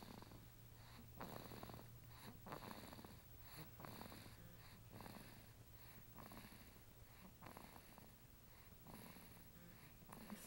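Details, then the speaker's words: Soft, rhythmic snoring with irregular breaths over a steady low room hum during sleep; snoring. " is snoring."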